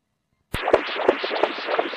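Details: Rushing, pulsing Doppler flow noise with a regular fast beat during an echocardiographic ultrasound examination of a cat; flow across an atrial septal defect.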